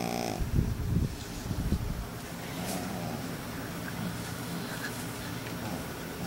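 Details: A few short, rough snorting breaths, then quieter noisy breathing under a background hum, from a tired baby pug sleeping deeply despite kids disturbing him; snoring in a flat-faced dog.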